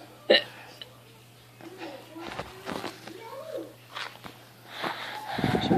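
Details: A mother's hiccup: one abrupt, sharp hiccup, followed by her 21-month-old daughter's babbling and laughter at the end of the day, with some background noise.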